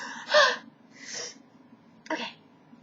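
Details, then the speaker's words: Self-provoked sneezes after tickling the nostril with a Q-tip: a sharp intake of breath followed by short explosive nasal bursts, deliberately induced sneezing. "this is my video of me sneezing cuz I mean I've got to a huge sneezing fetish"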